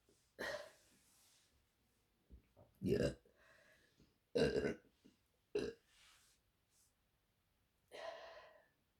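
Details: Four or five loud, voiced belches separated by short pauses, from a woman in a quiet room: repeated burping.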